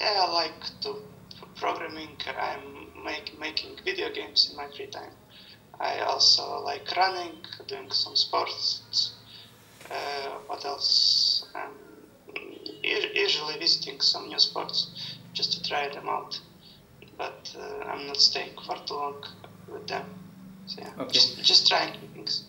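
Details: Adult male recorded before puberphonia therapy; puberphonia.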